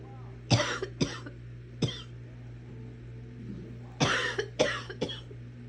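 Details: Coughing while watching Netflix: six short, harsh coughs in two bursts of three over a steady low hum of room noise.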